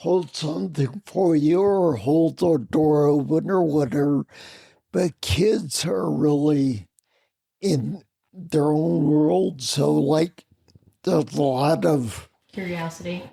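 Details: Adult man with spinocerebellar ataxia of unknown cause, slurred speech since around 1999, hard to understand on the phone, with mobility problems: ataxic dysarthria (slurred speech)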